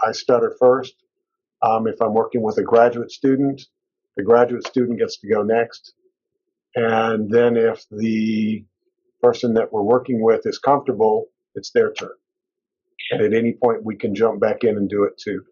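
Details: Adult male speaker; fluent speech.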